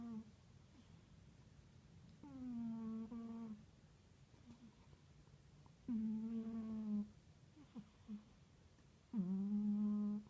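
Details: Soft, tuneful, humming snores from a female cat sleeping on a suitcase, about 19 breaths a minute, with quiet gaps between breaths.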